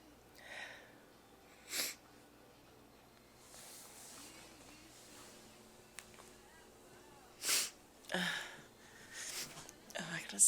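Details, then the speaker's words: Announcing sneezes beforehand, then several sharp, explosive bursts of air with quiet breathing between; repeated sneezing. "I'm gonna sneeze. Oh, wow, that hurt."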